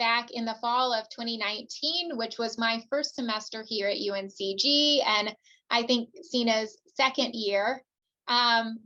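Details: Adult woman speaking; typical speech.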